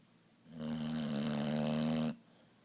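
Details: Boxer dog snoring loudly: a single loud, steady, buzzing snore lasting about a second and a half.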